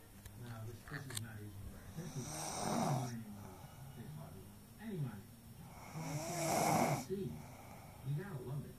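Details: A sleeping person, recorded on a mobile phone, makes two loud, rough, rattling breaths about four seconds apart with quieter breathing between; snoring.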